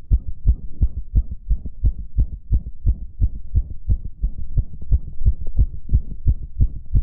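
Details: Adult male heartbeat recorded after arousal, rapid steady regular low thumping with a faint background hum: fast heartbeat (sinus tachycardia).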